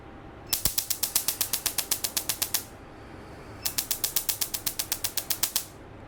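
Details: Two bursts of rapid, sharp snapping clicks, about four a second, from a laser tattoo removal machine pulsing on a small tattoo on an adult man's hand, one of several sessions needed.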